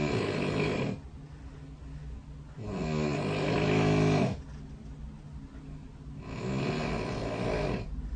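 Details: Recorded overnight by the SnoreLab snore-tracking app running beside the bed: long, loud, rattling snores on each in-breath, about 17 a minute, with quieter out-breaths between: heavy snoring.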